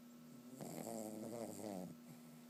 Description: I caught my dog snoring while sleeping lol.